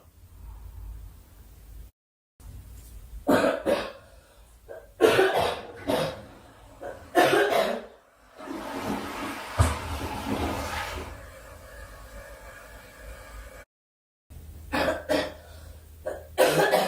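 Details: A girl, who says she is sick and wants the coughing to stop, gives several short harsh cough bursts in clusters, with throat clearing and room noise between; repeated cough.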